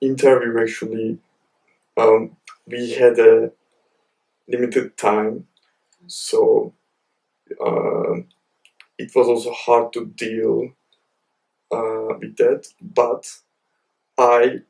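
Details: Male university PhD student with a stammer; stuttering (stammer).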